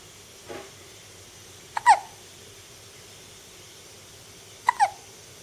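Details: Two short, sharp hiccups a few seconds apart, each a quick click followed by a brief voiced gulp, over steady background hiss; hiccups.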